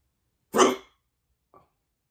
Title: Hiccups / hoquet